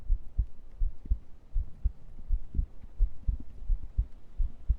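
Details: Heartbeat recorded during an ASMR stream: soft, regular low thumps in paired beats at about 85 a minute over a faint hum; normal heart sounds.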